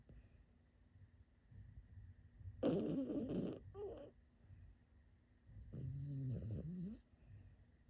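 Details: Small sleeper snoring: irregular rattling snores and snorty breaths in a quiet room with faint background hum.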